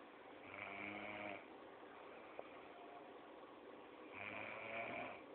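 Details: Sleeping female roommate giving two long, rough, buzzing snores on breathing in, separated by a quiet pause; ordinary snoring.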